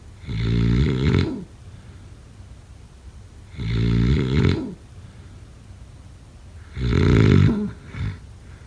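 Three loud, low, rattling snores on the in-breath, about 18 breaths a minute, with quiet pauses between them: snoring.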